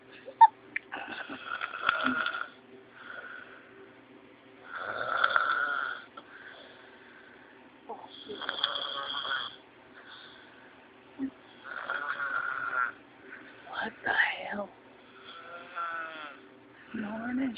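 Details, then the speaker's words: Ordinary snoring during sleep in an adult man, a mix of whistling and rattling snores of varying pitch in a quiet room; snoring. "hey you mister you're snoring"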